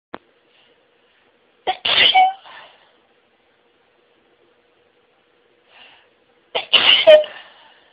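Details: Self-recorded sneezing fit starting slowly, with stifled sneezes making the nasal tickling more intense: two loud sneezes several seconds apart, each with a quick catch of breath before it.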